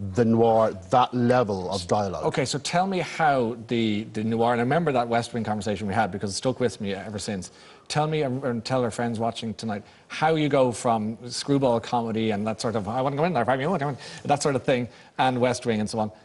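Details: Adult male speaker, interviewer; Ordinary conversational speech.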